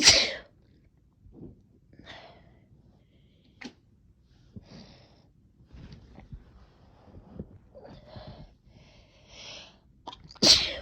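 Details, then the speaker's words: A sharp sneeze, then soft muffled sniffs and small held-back bursts in a quiet room as the person tries to stifle some, ending with another full sneeze; sneezes set off by an intense chhinkni tickle. "I'm trying to stifle a few. Kind of a mess."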